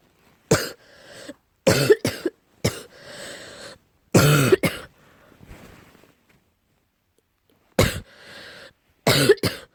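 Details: Deep cough tagged as allergy-related: repeated deep, harsh coughs in pairs and short runs, each followed by a rasping in-breath, about eight coughs in all.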